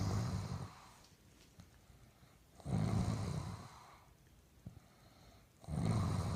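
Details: Loud, low rumbling snores with quiet out-breaths between, about three breaths in six seconds, roughly 20 breaths a minute; snoring during sleep.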